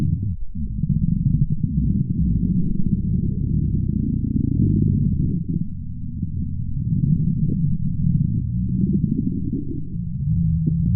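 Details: Stomach growling in a woman, recorded on request: continuous low rumbling and gurgling from the belly, rising and falling without a break; borborygmi.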